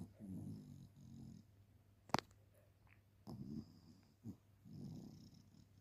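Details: Shih Tzu puppy snoring.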